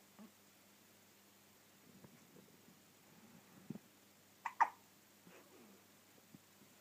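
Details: Soft, abrupt hiccup-like clicks and gulps from a female dog at 3am in a quiet room: hiccups.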